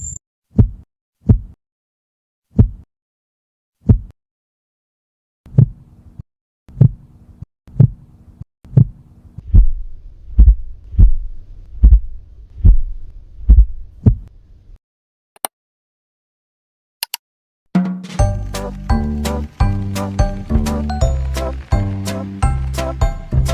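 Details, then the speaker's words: Educational animation on the cardiac cycle: regular low heart thumps over a background rumble, then music. S1 from atrioventricular valve closure; S2 from semilunar valve closure, usually louder than S1. Normal heart sounds. "bunyi jantung pertama ketika katup atrioventrikular tertutup sedangkan bunyi jantung kedua ketika katup semilunar tertutup yang biasanya menyebabkan suara lebih besar daripada suara pertama"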